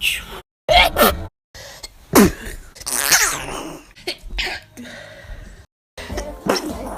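A string of abrupt, explosive sneezes from several people with sharp breaths and exclamations between.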